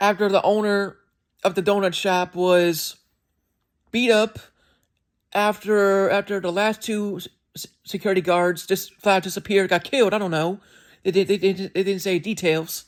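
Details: Adult male with self-reported speech impediment, described as sounding like skipping words and not speaking perfectly at times; disfluent speech with word and phrase repetitions.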